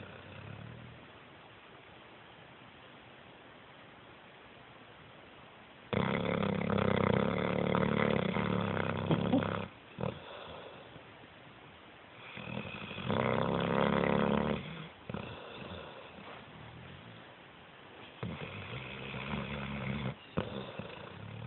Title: More Crush Snoring